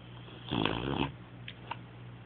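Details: Snoring: a single rough, fluttering snore on an in-breath, then quiet breathing with a faint sniff.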